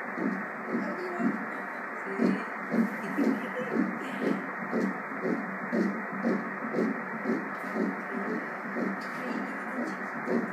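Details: Early fetal heartbeat at 6 weeks 2 days (embryo 5 mm) on ultrasound: rapid, regular whooshing pulses about 120 a minute over steady hiss.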